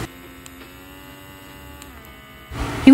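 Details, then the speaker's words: Steady, fairly quiet electric hum of the suction motor of a Horigen electric nasal aspirator for babies, which has five suction levels; aspirator motor running. "Yung suction nitong aspirator may limang level. So the more na mas mataas yung level, mas malakas yung suction."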